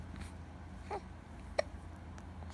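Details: Two short, sharp gulping sounds about half a second apart over low background hum; hiccups.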